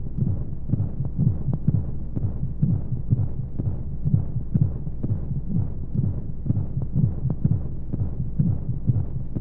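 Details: Womb sound played as a baby sleep aid with white noise: deep, muffled, steady heartbeat thumps at about 125 a minute over a low whooshing hum, a womb-like heartbeat.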